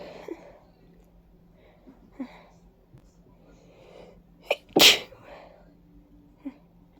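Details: Quiet sniffs and breaths, then a sharp forceful sneeze and a smaller one, from a congested person with a runny nose and watery eyes who attributes it to ragweed and dust allergy; sneezing.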